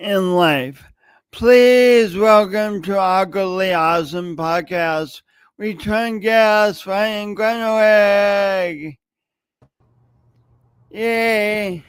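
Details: Adult man with a long-standing speech impediment, noticeable whenever he speaks, speaking as a podcast host; speech impediment.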